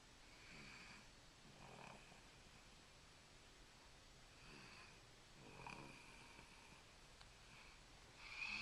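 Quiet, airy snoring breaths against steady room hiss, about four cycles in under nine seconds. Plain snoring.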